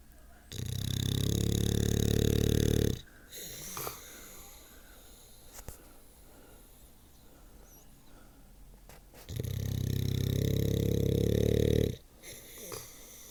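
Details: Violet, a bulldog, snoring: two long, loud, low rumbling snores about nine seconds apart with quiet breathing between, heavy and human-like.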